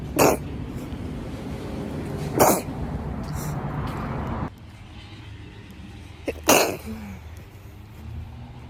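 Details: Woman who has sneezed like this all her life, with sneezes often mistaken for laughing, coughing or an animal: three sharp, explosive sneezes a few seconds apart over room noise.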